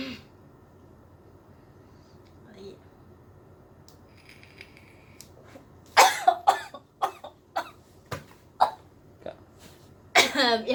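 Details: First-time vaper's coughing after inhaling from a pod vape with ice-cream-flavoured liquid: quiet room, then a run of about eight dry coughs of varying strength.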